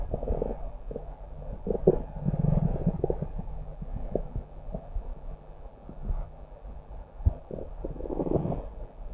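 Low, gurgling, rumbling stomach growls running on and off; ordinary bowel sounds.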